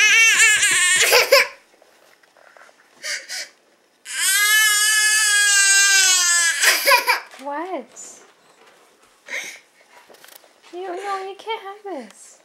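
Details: A baby cries in loud, sustained wails with gasping breaths and bottom lip rolled out, settling into shorter whimpers; an ordinary infant cry in a small room.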